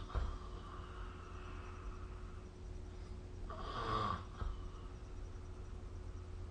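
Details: Snoring during sleep recorded with the SnoreLab smartphone app: low rumbling noise with one rougher, louder snoring breath in the middle.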